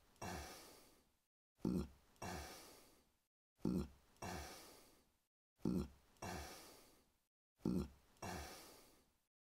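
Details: Human burp sound effect: repeated low, rumbling throat sounds in paired bursts about every two seconds; a string of burps.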